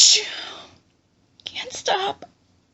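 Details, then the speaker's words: Sharp hissing burst that fades, then whispered sounds; a stifled sneeze deliberately made quieter in a staged hiding scenario. "Need to stop sneezing. Oh God, it tickles. It's so hard. Not to sneeze."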